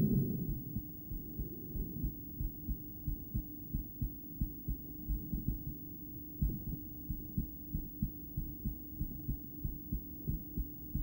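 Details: Female heartbeat during breathplay, stethoscope in a poor spot: about 92 a minute, unevenly spaced, beats in pairs at times and one longer pause after a push, over hum and breathing noise; intermittent bigeminal rhythm.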